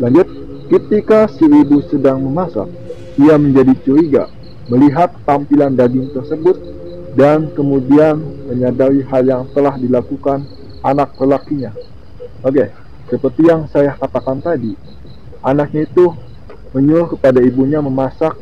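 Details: Adult man who says he is 'cadel' and cannot pronounce R properly, speaking Indonesian; rhotacism.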